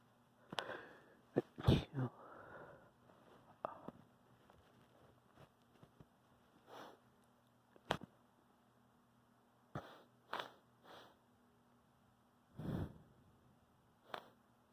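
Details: Variety of sneezes: several short bursts of varying strength, some forceful, with sniffs between them.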